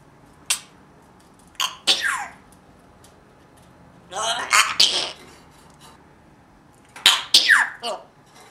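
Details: Imitated sneezing: Jabba mimicking the uploader's sneezes (he has no cold). Short, sharp, hissing bursts, some in quick pairs, with quiet gaps between them.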